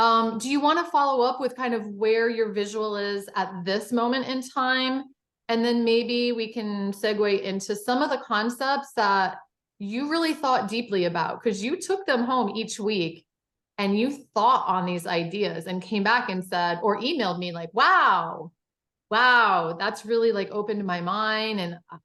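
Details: Adult woman speaking; typical speech.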